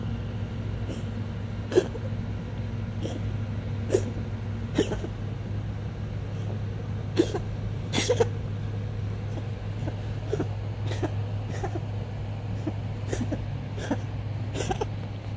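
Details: A pet has a coughing attack, a run of short, soft coughing bursts over a steady low background hum, recorded for the vet.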